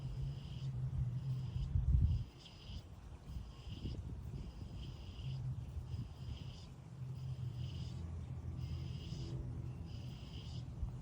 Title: I heard the sound of the badger snoring while it slept.#badger #cute #funny